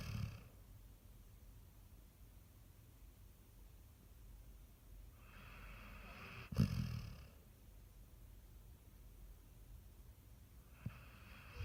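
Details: Sleeping Basset Hound snoring: slow, soft snoring breaths with a brief snort partway through, against steady low room noise.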